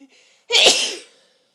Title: Forceful Sneezes with buildup